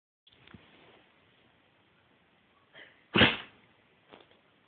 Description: After playing outside in snow, my labrador sneezes a lot.